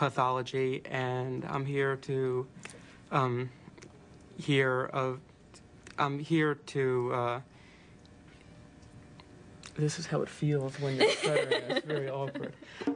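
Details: Man who has stuttered since he began speaking, with repetitions and broken phrases; lifelong developmental stuttering.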